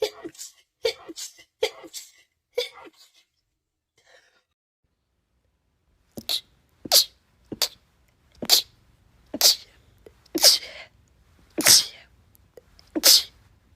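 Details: Rapid sneezing from a compilation of short clips: about a dozen short, sharp sneezes in bursts, a brief pause, then more in quick succession.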